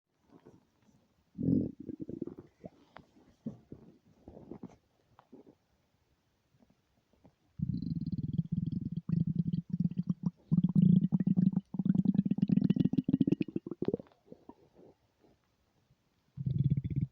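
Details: Empty stomach rumbling recorded without an external microphone: low, gurgling rumbles in bursts with quiet gaps between; borborygmi.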